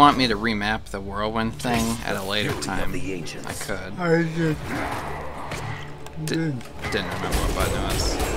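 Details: Adult male speaker; speech.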